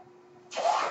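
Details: A faint steady hum, then a sudden rising whoosh of rushing air as a mechanical ventilator delivers a breath to an adult man speaking on his podcast: mechanical ventilator.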